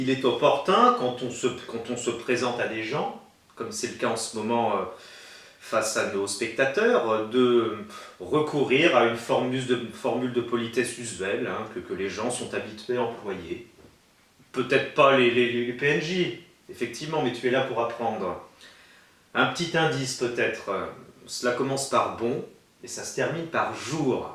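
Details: Adult male who has a stutter and attended a stuttering therapy course in 2005; stuttering.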